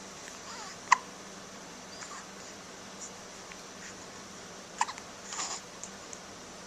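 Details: Two faint, sharp hiccups about four seconds apart against quiet room hiss; identical twins both hiccuping, recorded on a Flip Video camcorder.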